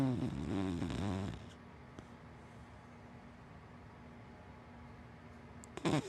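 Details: A low, fluttering snore at the start and another at the end, with quiet breathing between, from a sleeping dachshund–black Labrador mix dog.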